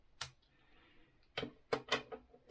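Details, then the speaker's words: The sharp spring-loaded snap of an Optima lancing device firing to prick a finger for a home blood glucose test, then a few softer mechanical clicks; the user is monitoring after a high post-meal blood sugar. "Daha sonrasında eee parmağımızın hangi parmağımızdan kan alacaksak o parmağımıza parmak delme aparatımızı yerleştiriyoruz ve turuncu düğmeye basıyoruz."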